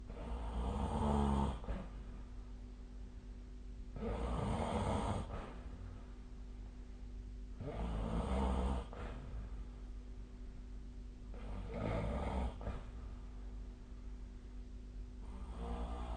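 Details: Deep, rumbling snores about every four seconds, roughly 15 breaths a minute, over a steady background hum; snoring.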